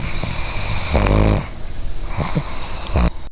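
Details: Sleeping, dreaming female pug snoring: loud, rattling, throaty snores with brief snorts between them.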